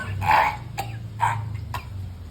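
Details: Adult gives several short, acted coughs in a small room with a steady low hum, in a staged skit blaming Jakarta air pollution for the cough.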